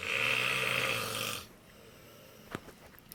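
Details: Snoring that begins after studying: one loud, rough, rattling snore lasting about a second and a half, followed by quiet room noise; ordinary snoring.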